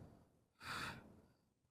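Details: Sudden, breathy half-second intake of air in a quiet room during a drug-free, awake anterior shoulder dislocation reduction with slow gradual external rotation; a gasp of discomfort.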